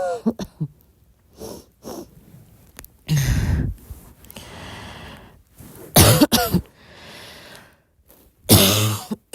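Scattered soft coughs and throat clearing from an adult, with breaths between, in a quiet room.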